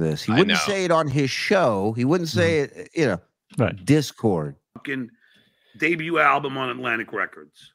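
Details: Adult male speaker; normal conversational speech.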